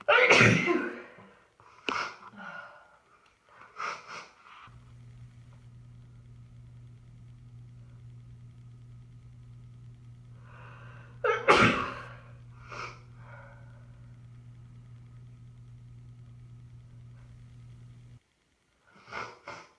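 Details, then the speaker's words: Two sharp, forceful sneezes with sniffles and breaths between them, over a low room hum, from a person with a bad head cold; sneezing. "I just feel like I'm gonna sneeze. This tickles."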